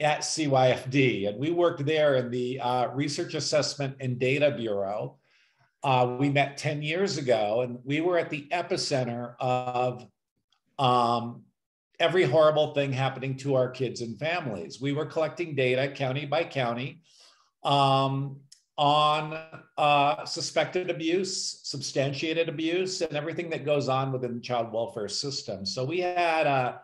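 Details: Adult speaker; normal speech.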